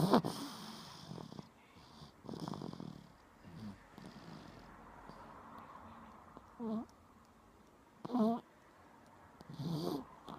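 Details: Woman snoring while asleep: several short rattling snores every couple of seconds in a quiet room, each with a vibrating buzz on the breath.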